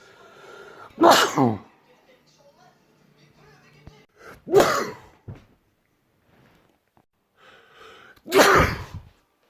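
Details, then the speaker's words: Three loud, explosive sneezes, each a sharp burst of air separated by quiet pauses, directed toward the recording phone; sneezing. "Oh shit, cannot. I sneezed the phone and now the phone cannot off the recording. Ugh. Weird, cannot off it now. Wonder why. Full of sneeze here, that's why."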